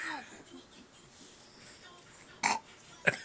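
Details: A young girl burping on request: two short, sharp burps after faint room noise, with a brief pause between them.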